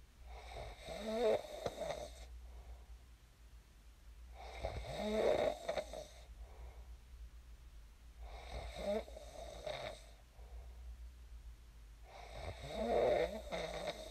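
Loud, rattling snores about every four seconds, roughly 15 breaths a minute, with a low steady hum in the room.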